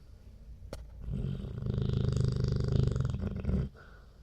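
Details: Snoring: one long, loud snore lasting over two seconds, with a fast fluttering rattle through it.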